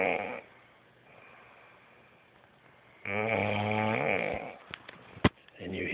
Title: Is she really snoring that loud?